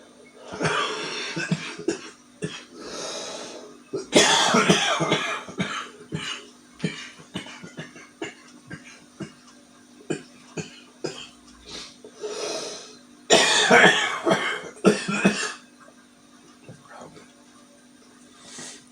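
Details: Adult man, 48, with a morning smoker's cough from smoking: repeated harsh, rattling coughs in irregular bursts with throat clearing.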